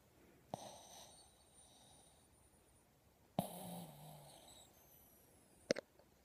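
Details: Soft, irregular snorting breaths with brief louder snorts over quiet room noise; snoring in a sleeping dog.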